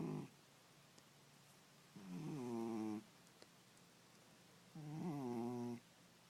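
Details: Snoring from a sleeping cat: soft, slightly whistling snores about every three seconds with quiet breathing between.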